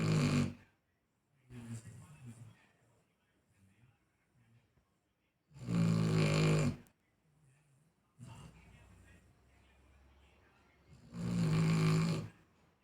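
Loud, low, rattling snores on inhalation, about every five to six seconds, with quieter breathing between: a sleeping dog snoring.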